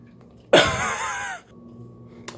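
A single harsh, voiced throat-clearing burst lasting under a second, in an acted skit.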